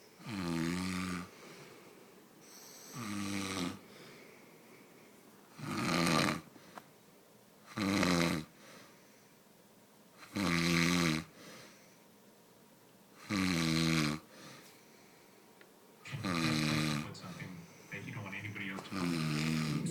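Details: Loud, regular, rattling snores at about 20 breaths a minute with quiet pauses between, from a person sleeping on the couch; ordinary snoring.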